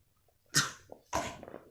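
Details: Toddler girl with a cold (cough and runny nose) who refuses her medicine gives two short, sharp cough bursts on request to show her cough.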